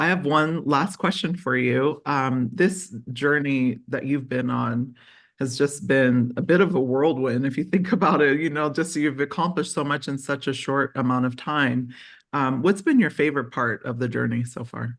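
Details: Adult speaker; normal fluent speech.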